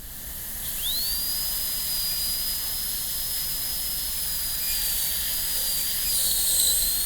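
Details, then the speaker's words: High-speed dental drill with 330 bur cutting the occlusal outline through distal pit and buccal and lingual grooves, kept barely wider than the bur, in a tooth 19 MO composite preparation: whine rising quickly to a steady tone with airy hiss. "Doesn't have to be much wider than the burr. So, that's really as wide as you need to make it."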